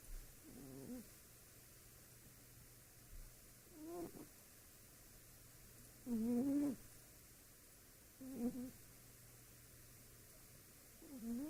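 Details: Soft, rough snoring from a sleeping cat, about five or six brief fluttering rasps over quiet room noise.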